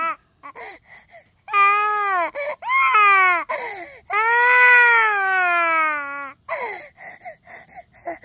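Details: Infant crying loudly in long tonal wails with short sobbing breaths between them; an ordinary infant cry.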